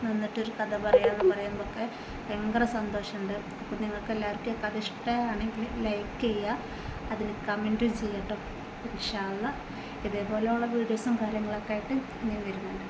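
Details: Adult woman speaking Malayalam; ordinary speech.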